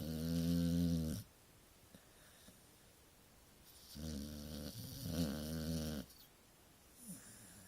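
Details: Sleeping Staffordshire dog; loud, buzzing, low-pitched snores recurring with each breath, quiet pauses between, small room: snoring.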